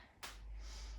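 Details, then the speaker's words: Knee clicking during repeated Pilates lunges (back heel lifted, pushing up off front foot): a single sharp click then steady low room hum; knee crepitus. "can hear my knee clicking, apologies."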